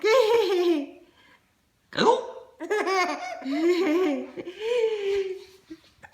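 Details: Infant hiccup, recording labeled D257: laughing and babbling broken by a sudden sharp catch of breath.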